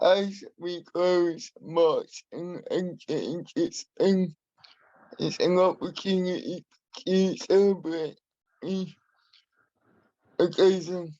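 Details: Adult man with spastic and dyskinetic cerebral palsy who uses a wheelchair; he has a speech impairment he has worked hard to minimise and continues to practise; dysarthria due to cerebral palsy.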